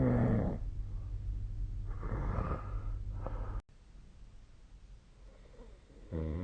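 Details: Low rumbling snoring bursts from a sleeping adult, separated by quieter breathing gaps, recorded with a snoring-tracking app.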